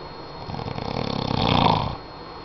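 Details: Snoring during sleep: one loud, rattling inhaled snore that rises then fades, with a steady room hum behind it.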